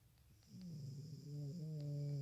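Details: Snoring during sleep: a low, rattling hum at a steady pitch carried through a sleeping breath.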